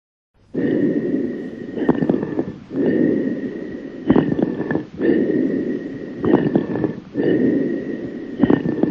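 Repeated breaths with a hollow, ringing, bottle-like tone over each phase: amphoric breathing, typical over a large lung cavity.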